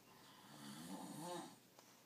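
A single low, rattling snore on an in-breath in a quiet room; ordinary snoring.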